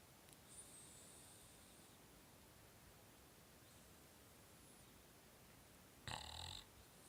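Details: Snoring during sleep: a faint wheezy breath early on, then one short, loud, rattling snore near the end.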